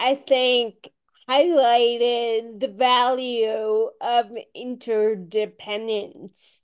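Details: Adult woman with Friedreich's ataxia, a rare, genetic, progressive condition diagnosed at age 16, who reports long-standing voice issues; ataxic dysarthria.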